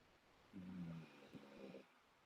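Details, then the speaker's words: Loud snoring from a pit bull dog sleeping on the floor under the speaker's feet, sounding like an old man snoring. "you hear that dog snoring really loudly. A pit bull is like snoring on the floor underneath my feet. It's kind of funny. Sounds like an old man snoring."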